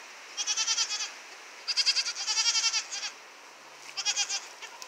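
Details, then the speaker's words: Weaned baby goats hoarse with laryngitis after a week of screaming: thin, raspy, weak bleats in short pulsed bursts, occasionally squeaky, not carrying far. "sometimes they squeak and it's really funny but for the most part they're just hoarse and it doesn't carry as far so it's a little bit more bearable"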